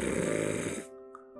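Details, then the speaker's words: Imitated snore, a rough fluttering sound from the upper nasal area lasting under a second, the type said to suit a nasal dilator plus mouth tape: nasal snoring. "자, 비강 확장기를 써야 될 코를 넓혀주는 코 제품을 써야 되는 사람들은 코골이 소리는 코골이 소리가 날때이 윗부분이 떨립니다."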